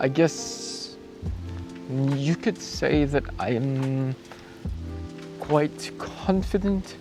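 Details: Adult male cyclist about 2 weeks after a bike crash with head impact and loss of consciousness, with acquired apraxia of speech and thinking reported intact; apraxia of speech.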